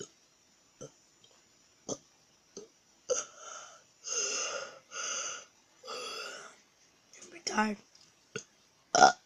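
A run of deliberate belches, several long and drawn out, with short clicks and mouth sounds between them. Voluntary burping.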